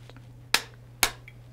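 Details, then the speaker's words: Two sharp clicks of a Respimat soft mist inhaler, a propellant-free liquid inhaler, being primed by pressing the gray button with the device pointed away from the face; mist visible, and first use needs four actuations. "oh Mist you can see the Mist yeah and the first time you get this you'll need to do that four times"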